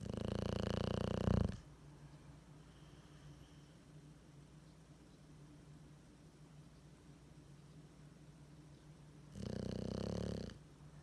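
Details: Sleeping bulldog with tongue hanging out snoring: two loud, rumbling snores separated by about eight seconds of quiet.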